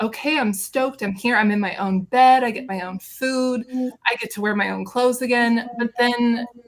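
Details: Adult woman speaking; normal speech.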